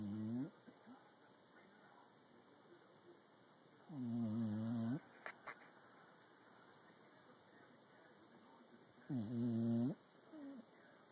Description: Our little beagle having a heavy snooze!